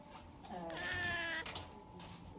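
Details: Infant with a breathing tube (NICU mentioned), whose breathing usually sounds like duck-like snoring: a single short, high, tuneful cry or squeal lasting under a second, a brief infant cry.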